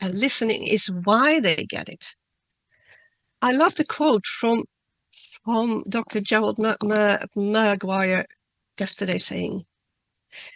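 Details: Adult woman who stutters, reading a prepared talk aloud, with word and part-word repetitions: stuttering.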